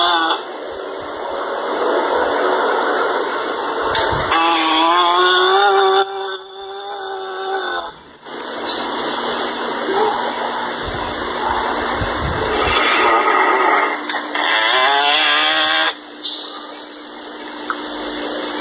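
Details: A pit bull dog naps in a backyard shed, snoring very loudly. The loud, rough, engine-like rumble sounded like a tractor to its owner: heavy dog snoring.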